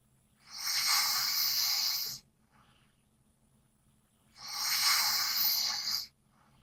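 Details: Loud snoring: two long, loud, hissing breath noises with quiet pauses between, a harsh airy snore rather than a deep rumble.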